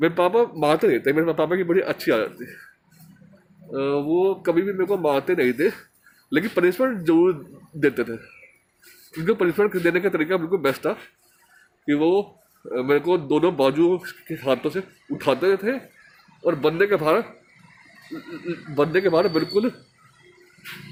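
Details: Man who stammers, speaking Hindi in a stammering association course task on emotional recovery; stuttering.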